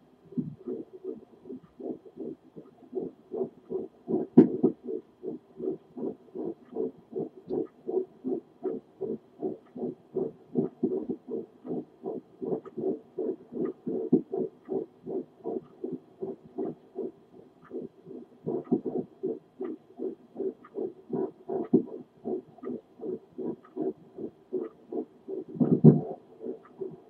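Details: Fetal heartbeat at 10 weeks 3 days on a home Doppler: rapid, regular whooshing pulses, checked to be about twice the mother's heart rate.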